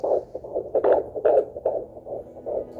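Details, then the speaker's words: Fetal heartbeat on Doppler, found higher in the uterus than expected after a stressful search: rapid, regular whooshing pulses, a normal finding. "So, it was like a huge, you know, sigh of relief whenever we got to hear the heartbeat. It sure was like music."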